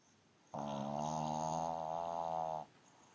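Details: A long, buzzing, rattling breath lasting about two seconds, with faint room noise; loud snoring from a pug sleeping on a sofa.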